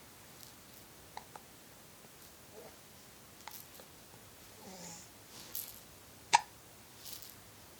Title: Cutest baby ever gets hiccups